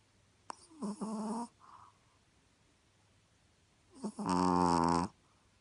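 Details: Chihuahua snoring: two loud, buzzing, tonal snores from a sleeping small dog, a few seconds apart, in a quiet room.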